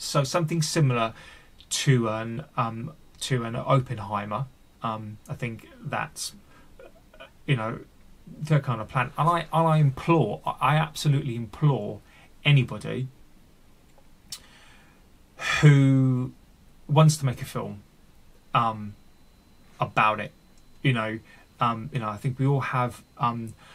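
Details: Adult male with stuttering (stammering), recorded unedited with his stammer left in; word and part-word repetitions; finding: stuttering.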